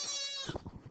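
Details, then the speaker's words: Infant crying faintly in the background of a recorded math lesson: a thin, high-pitched wail trailing into short broken sobs. "I don't know if I can pick up my baby crying there. I don't know if you can hear that or"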